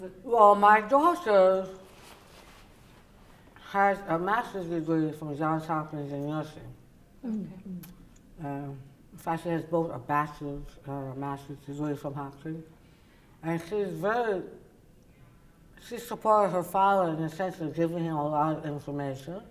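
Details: Adult woman, oral cavity cancer survivor treated with partial glossectomy and tongue reconstruction then radiation; tongue does not reach the roof of her mouth, uses a palatal device for speech; people including her husband cannot understand her; articulation disorder after partial glossectomy.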